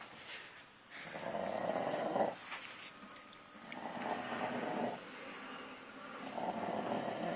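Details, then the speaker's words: Loud, rumbling snores from a sleeping dog being covered with blankets to muffle it, about eight breaths a minute, each a long rasping inhalation; snoring. "and we're gonna see how many blankets it takes to muffle his snoring."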